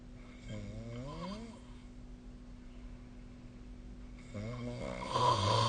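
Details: Human snoring recorded with the SnoreLab snoring app: two inspiratory snores with a wavering, fluttering tone, quiet breathing between, over a steady background hum.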